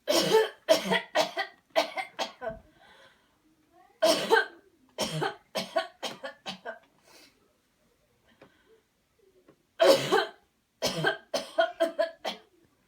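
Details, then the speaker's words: Coached voluntary coughing demonstration: after guided deep breaths, three rounds of forceful deliberate coughing, each a quick run of sharp bursts, with quiet pauses between rounds; the patient is urged to cough hard. "cough [Music] good job uhoh better cough hard there you go hard even if you have to even if you have to throw up in good we're almost there"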